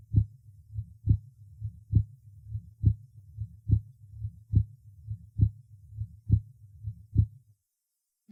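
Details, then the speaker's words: Patient with hypertension, recorded over aorta then pulmonary artery: regular heartbeat about 70/min, second sound over aorta much louder than over pulmonary artery; accentuated aortic second sound. "прослушайте тоны сердца у больного с гипертонической болезни обратите внимание что громкость второго тона на аорте существенно выше чем на легочной артерии"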